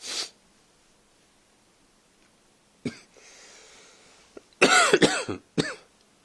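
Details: Second coughing recording: a brief throat-clear, then a cluster of four or five harsh cough bursts in a small room.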